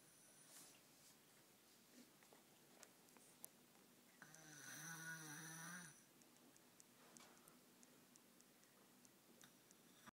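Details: Sleeping baby snoring while sister laughs: one soft, buzzing snore lasting about a second amid quiet room noise and faint clicks.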